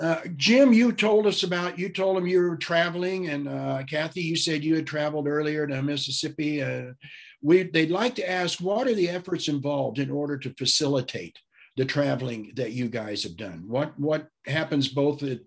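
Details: Adult male speaker; ordinary speech.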